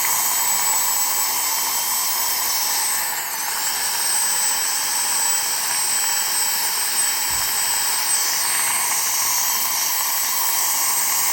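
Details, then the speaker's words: High-speed dental drill whine with a rushing hiss, pitch dipping under load: a fine red-stripe flame diamond bur in a female patient's crown preparation, taken 0.2–0.3 mm below the gum line to form a margin without cutting tissue. "I'm going to drop this down about 0.2 to 0.3 below the gum line and this doesn't cut the tissue it gives you a nice margin"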